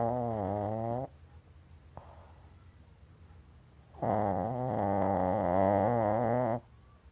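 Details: Small dog asleep under a table in full REM sleep, snoring: two long, loud, buzzing, tonal snores with slightly wavering pitch, separated by a quiet pause.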